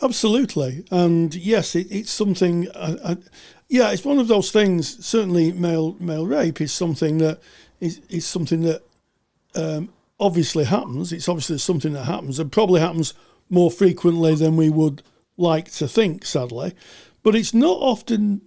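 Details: Adult speaker; typical adult speech.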